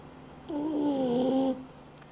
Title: Unser Hund schnarcht - Dog snores